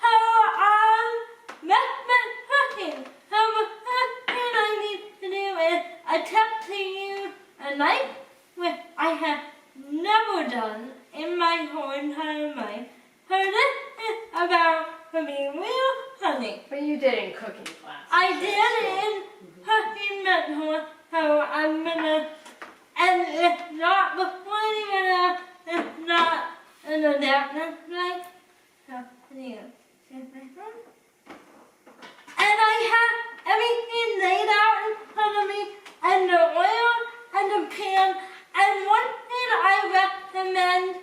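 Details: Dysarthria in a person with cerebral palsy who cooks independently with limited help.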